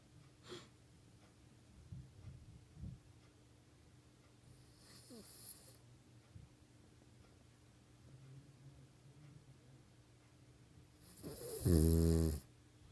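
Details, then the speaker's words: Mostly quiet breathing during sleep, then one loud, rough, rattling snore near the end; the recorder jokes that the sleeper needs a CPAP machine; snoring. "Oh boy. He needs a CPAP machine."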